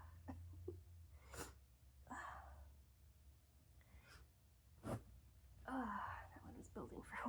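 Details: Adult sneeze attack with lingering congestion and nasal tickle: a sharp sneeze burst with voiced exclamations, part of a run of repeated sneezes with nose blowing.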